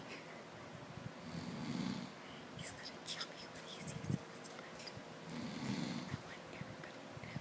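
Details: Snoring that keeps the listener from sleeping: low, rumbling snores recurring about every two seconds against quiet room noise.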